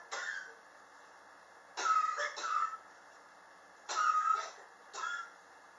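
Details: Chronic cough since summer 2016, still present in 2019, not helped by medicine or home remedies; the patient blames extreme temperature changes in a high-rise building. Four dry, harsh coughs, some in quick double bursts, separated by quiet pauses.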